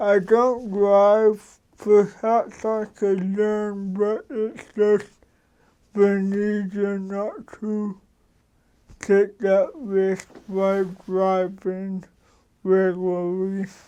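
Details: Adult man with cerebral palsy since birth; dysarthria due to cerebral palsy.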